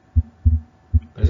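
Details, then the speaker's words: Patient with normal vital signs, normal carotid and jugular pulses and undisplaced apex beat: a soft, barely perceptible systolic murmur and a wide, fixed split second heart sound, possibly atrial septal defect. "y lo que escuchamos es hay un pequeño soplo sistólico que es bastante poco perceptible pero lo que destaca es un desdoblamiento fijo del segundo ruido"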